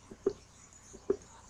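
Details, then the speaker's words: Heart sound recording from a study website: low heart thumps at about 72 a minute with a soft extra sound giving a three-beat "sloshing-in" gallop, a third heart sound (S3). "you listen to it it's like a one two three sloshing in sloshing in sloshing in SS three"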